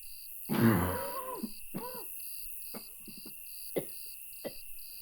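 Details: One harsh, barking cough, then a groaning breath and several smaller coughs over a steady electronic tone; an uncontrollable coughing fit at 2 a.m. in a motel room; cough.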